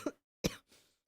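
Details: Adult streamer, sick and coughing frequently all day, unable to sleep for coughing: a brief double cough, two short harsh bursts with a softer trailing breath; a single coughing episode.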